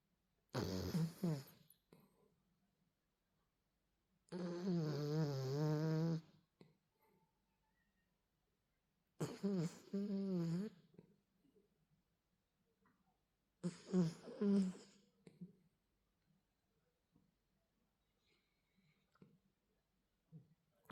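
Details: A sleeping male miniature dachshund snoring in four drawn-out, tonal, wavering bursts, roughly one every four to five seconds.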